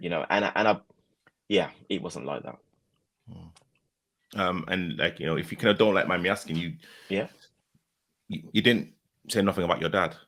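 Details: Adult male speaker, possibly with a second conversational voice; ordinary conversational speech.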